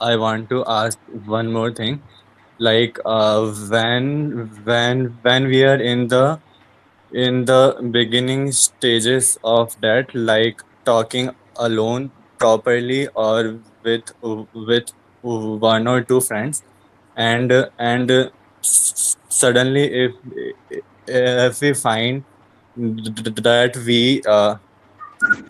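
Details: Adult who stutters, in a support group, reports shortness of breath in difficult situations; repetitions and fillers audible; stuttering.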